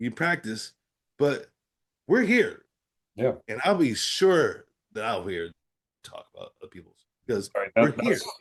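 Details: Adult man with aphasia after a stroke; aphasia.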